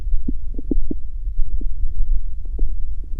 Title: Stomach growl. Gururururu... The sound won’t stop.